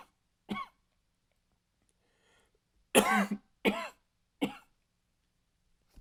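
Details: Adult male acting out a dry, slightly barking cough: four or five short voiced bursts in a loose fit with silent pauses; dry barking cough.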